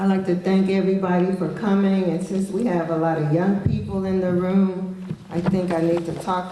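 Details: Adult woman speaking; normal voice.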